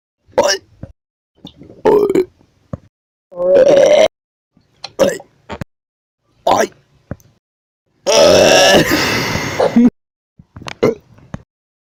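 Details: Repeated loud burps, some short and some long and drawn out, with silence between them; a burping compilation.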